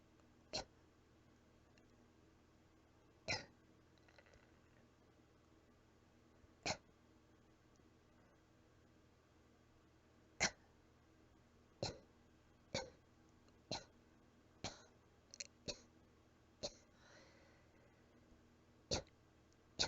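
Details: Cat giving about a dozen soft, brief, weak coughs, spaced irregularly and growing closer together, with faint breathing between, a little out of breath.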